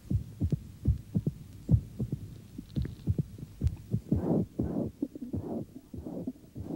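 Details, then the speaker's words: Regular, low lub-dub heart sounds heard through a stethoscope at roughly 75 beats a minute, with a soft whooshing in the later beats, from an old educational film on heart examination. "One of the classic ways of examining the heart is listening to the sounds of the heart with a stethoscope. The beating of a diseased heart sounds different from that of a healthy heart, and is often accompanied by ambient noises."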